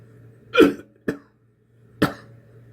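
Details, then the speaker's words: Adult with COPD, congestion felt on one side of the chest, working phlegm loose little by little: three short, loose, wet, unforced coughs with throat clearing, then spitting; a productive cough bringing up clear-to-white sputum. "have to force it I have to just a little bit at a time work it loose (throat clearing). And (spit) it comes up, just like that."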